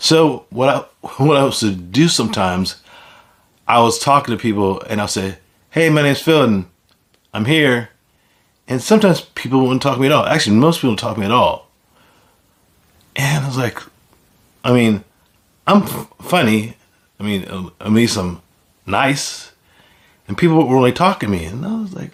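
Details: Adult man with aphasia after a stroke; speech shows word repetitions and some imprecise word choices; aphasia.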